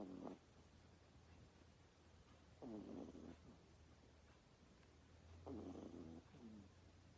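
Three rough, rattling snores about every two and a half seconds from a sleeping puppy, over a steady low hum.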